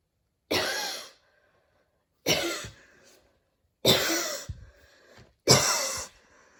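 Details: Four harsh, forceful coughs with faint breath noise between, a very wheezy cough after running in allergy season, with dizziness and near-fainting; cough.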